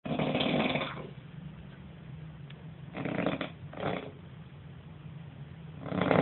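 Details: Roommate snoring very loudly in a small room: loud, rough, rattling snores, each pulled in with a breath, with quieter breathing between them.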